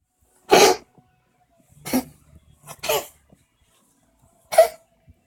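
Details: Siamese cat coughing with possible asthma attack, four short harsh dry coughing bursts spread across a few seconds.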